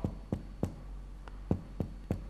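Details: Percussion of the chest during a lung physical examination: a resonant percussion note.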